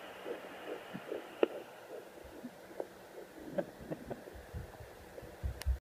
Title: Heartbeat using fetal Doppler at 13 weeks 1 day